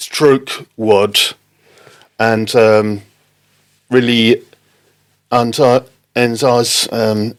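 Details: Non-fluent aphasia in an adult man, a father, after a stroke in October 2019; halting, non-fluent speech.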